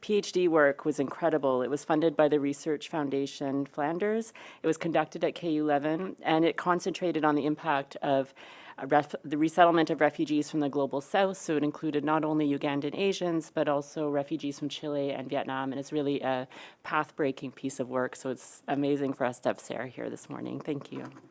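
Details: Adult woman speaking; normal speech.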